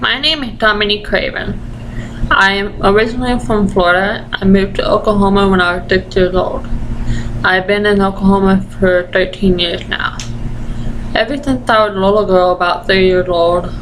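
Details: Deaf 20-year-old woman with Usher syndrome and an ataxia she says affects the basal ganglia, present since childhood: deaf speech with ataxic features.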